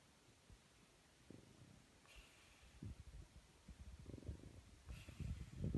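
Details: French bulldog sleeping on his back under the covers, eyes open, not sedated: low, irregular rumbling and snorting noises growing louder toward the end; snoring.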